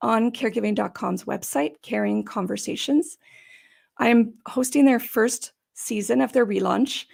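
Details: Adult woman with idiopathic subglottic stenosis, an airway condition, for about 12–14 years, treated with repeated tracheal dilatations and surgeries; she attributes gravelly, gasping sound to the tracheal surgeries. Dysphonia with subglottic stenosis.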